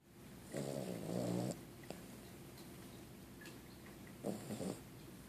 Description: Dreaming, sleeping puppy snores.